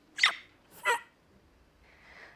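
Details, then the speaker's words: Two sudden, sharp, high-pitched yelp-like cries: involuntary vocal tics in a young woman with Tourette syndrome, diagnosed around age six, demonstrated during a talk. "và cứ mỗi mười giây, bạn buộc phải thốt ra một tiếng kêu lớn và chói tai."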